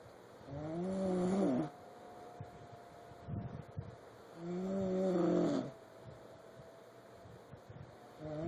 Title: Sunday Snore